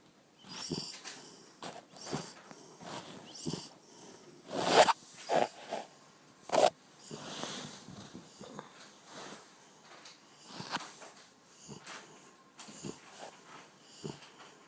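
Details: Irregular snorting and wheezy snoring breaths with some louder snorts from a sleeping French Bulldog; noisy snoring breathing.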